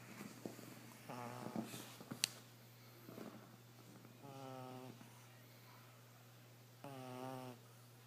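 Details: Puppy pug snoring: intermittent buzzy, tonal snores from a sleeping flat-faced puppy, with a few snuffling noises and a steady low hum in the room.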